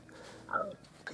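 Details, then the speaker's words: Adult stomach growling (borborygmi) after eating over 2,000 calories in one meal: a brief gurgling, rising-and-falling rumble under a second over quiet room noise. "can hear my stomach rebelling against it."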